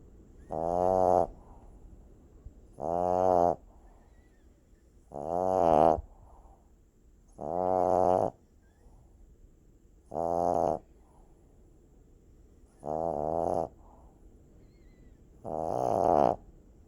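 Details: Sleeping puppy with loud, regular, buzzing snores about every 2.5 seconds (roughly 25 a minute) and quiet gaps between. Heavy snoring.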